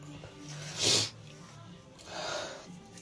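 A single sharp, hissing burst followed by a softer breathy exhalation, consistent with a sneeze during a cold.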